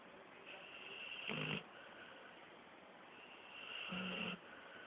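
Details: 13-month-old Pitbull snoring with eyes mostly closed; two long, raspy snoring breaths with a buzzing, whistling edge, about three seconds apart, over steady background hiss.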